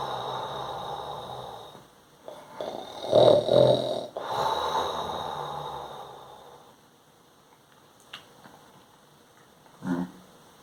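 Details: Imitated sleeping-time snoring sound performed through the nose: rough, rattling nasal breathing noises with snorts, not real sleep snoring.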